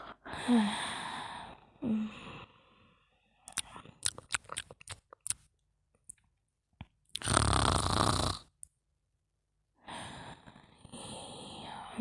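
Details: Noisy, rasping breaths, a yawn and quick mouth-smacking clicks from an animal as it yawns and snores; snoring.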